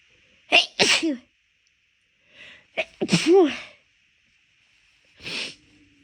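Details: Rapid series of about four loud, forceful induced sneezes with short in-breaths between, after the nose felt off midway through a walk; the person notes sneezes are bigger and easier to induce when the nose is bothering them.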